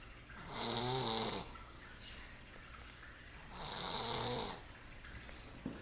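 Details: Person sleeping with steady rhythmic snoring: two rough, hissing snores about 3.5 seconds apart, roughly 17 breaths a minute, with faint room noise.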